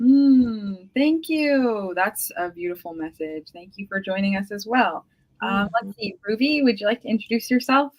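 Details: Adult woman; Normal speech.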